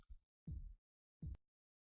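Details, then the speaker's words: Blood pressure measurement through a stethoscope as the cuff slowly deflates: three soft, low thumps about 0.75 seconds apart, roughly 80 a minute, in a quiet background. These are Korotkoff sounds, the first thump marking systolic pressure. "upon hearing the first thump note the needles position on the dial and record the number that's the systolic pressure as the cuff deflates and the needle continues to move you will continue to hear the thumping sounds"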